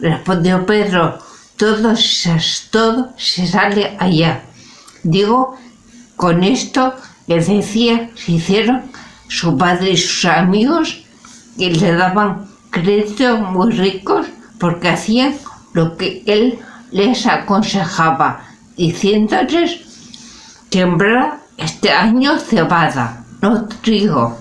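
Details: Spanish-speaking adult with aphasia, a member of an aphasia support association, reading a literary text aloud in Spanish in a prerecorded reading; aphasia.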